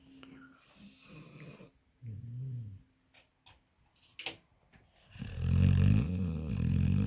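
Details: A sleeping pit bull dog snoring: deep, rumbling, vibrating breath sounds, loudest at the end, with quiet gaps and faint clicks.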